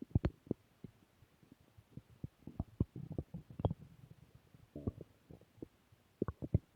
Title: Return of stomach growl 2